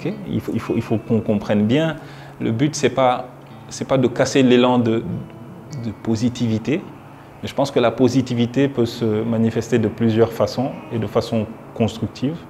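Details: Young Senegalese man who stutters, speaking French, who reports once being blocked for two minutes during a 2020 presentation; stuttering.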